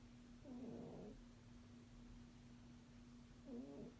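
Two soft, buzzing breath noises about three seconds apart over a steady low hum: a sleeping cat snoring.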